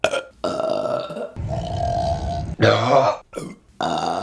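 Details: Several long, loud, rumbling burps one after another, with short gaps between them, over background music; repeated burping.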